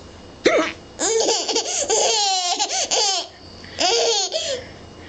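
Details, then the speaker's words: An adult man's (father's) repeated hiccups, with a young child laughing at them and the father talking to her: hiccups. "are you laughing at daddy's hiccups are ya don't you love my that's hiccups fair at all"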